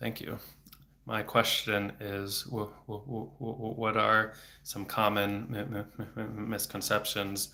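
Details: Adult male speech-language pathologist who has stuttered since age eight (about 26 years), with speech therapy off and on until his early 20s, speaking without fluency strategies; blocks with throat tension and frequent repetitions; stuttering.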